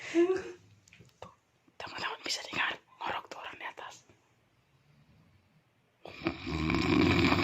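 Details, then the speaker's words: Sleeping adult friend snoring, recorded secretly: hushed whispering, a quiet pause, then a loud, rough, low rumbling snore. "Jadi di sini kita akan dengarkan suara-suara yang ngorok di lantai 2 ya."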